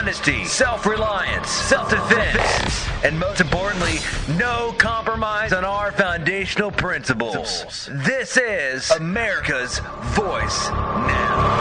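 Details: Adult speaker, broadcast voice-over; normal voice.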